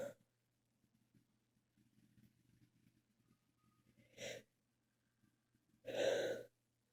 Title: Back with a lot of sneezes. Read description.